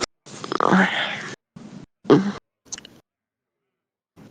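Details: Real heavy smoker's cough: a long rough cough burst, then shorter harsh coughs and a throat clear; deep, chesty, intense coughing.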